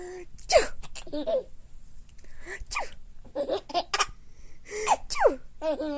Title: Laughing At Sneezes